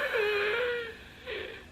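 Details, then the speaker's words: Expiratory wheeze in an adult later diagnosed with sarcoidosis: a thin, high musical whistle on two breaths out. It began after a rash cleared, came and went, with no sore throat, no shortness of breath and little coughing. "It was just wheezing. Whenever I breathed out, you would hear it."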